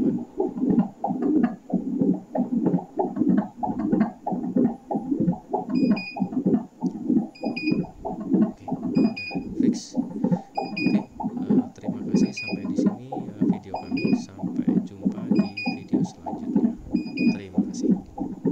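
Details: Final test of a repaired Elitech Sonotrax Pro fetal Doppler: rhythmic whooshing heartbeat pulses with faint periodic device beeps, showing the probe detects a heartbeat again.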